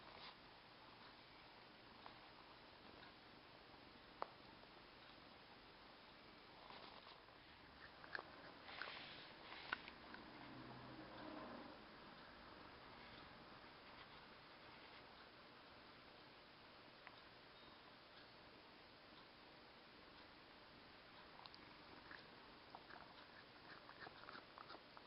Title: Teeth grinding